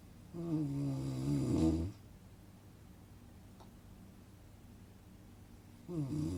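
Two loud, rough, low snores separated by a quiet pause of about four seconds; ordinary snoring during sleep.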